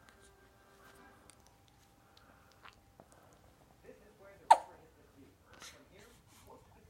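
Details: Quiet room with faint background sounds, then one sudden sharp hiccup with a brief squeak; a single hiccup.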